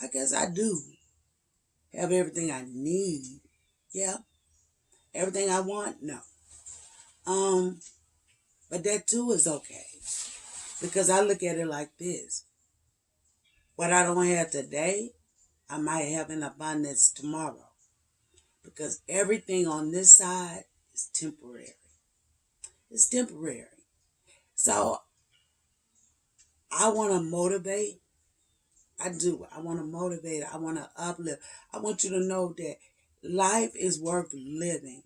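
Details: 56-year-old woman with spasmodic dysphonia and voice tremor, treated with neck injections paralyzing laryngeal muscles every three months, last just over two weeks before; voice cracks, hard to get words out; spasmodic dysphonia.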